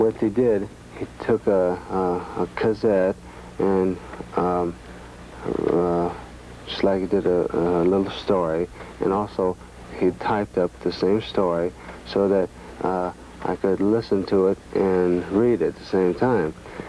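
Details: Aphasia in an adult man from brain damage in a near-fatal 1966 car crash with coma, recorded in 1978 after he relearned to speak; word repetitions and hesitations.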